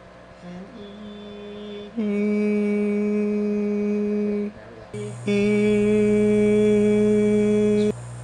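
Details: Adult male singer with two weeks of pain and lost notes after 10-20 minutes of singing; sustained phonation during transnasal fiber-optic laryngoscopy showing no vocal nodules, extra mucus suggesting dehydration, vocal fatigue; vocal rest prescribed for one week.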